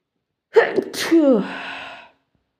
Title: Sneezing to much